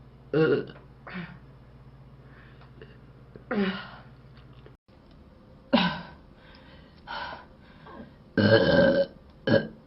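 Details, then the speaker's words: Several loud, throaty burps in a row from different people, separated by brief pauses, with faint room noise; burping compilation from Korean streamers. "배불러. 들렸지? 근데 여자친구랑 같이 있다. 죄송합니다. 방금 트름 아니에요?"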